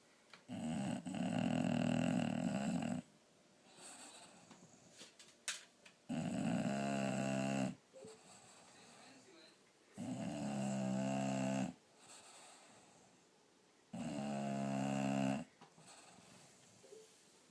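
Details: Sleeping bulldog snoring (also farting) the day after a blizzard: four loud, rattling snores about two seconds each with quiet pauses, about 14 breaths a minute; snoring.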